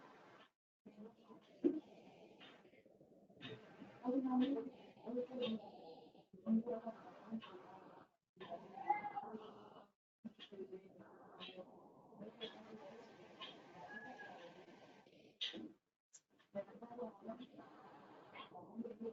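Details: Laryngectomy patient after laryngeal cancer, using an electrolarynx held under the chin whose vibration becomes voice. Speech carried on a steady, flat mechanical buzz without pitch change, robotic and hard to follow: electrolarynx speech.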